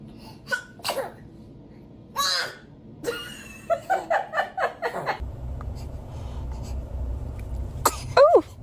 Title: Newborns sneezing are just too adorable!#toddlers #cute #familytime #video #reaction